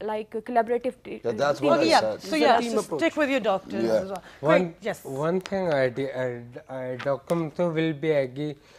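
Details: Adult television host; normal speech.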